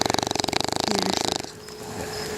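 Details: Bulldog puppy asleep in a lap by an outdoor campfire at a cottage, snoring loudly, the first snoring heard from her: a rapid, rattling vibration for about a second and a half, fading into quiet outdoor background.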